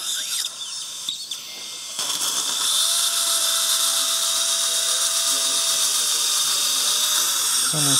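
A sustained high-pitched whine with hissing and water spray; a dental implant drill preparing the implant sites.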